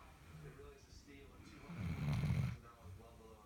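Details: Sleeping Labrador Retriever puppy: quiet, low rumbling breathing with a louder snore in the middle; snoring.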